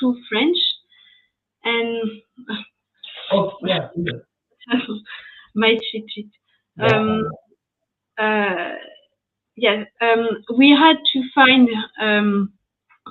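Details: French woman speaking English, still recovering speech after an ischemic stroke at age 22 in July 2011, followed by 10 days of mutism and a year of rehabilitation; post-stroke aphasia.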